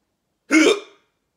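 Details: Hiccups that won't stop: a single abrupt hiccup with sharp onset and brief voiced catch, one of an ongoing run; hiccup.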